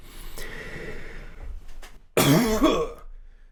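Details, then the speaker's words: Throat clearing by an adult man with muscle tension dysphonia during throat-tension release exercises; soft breathing, then one loud, rough throat-clearing burst, a sign of tension release. "and clearing the throat in this way that you heard. That's actually a sign of a lot of release."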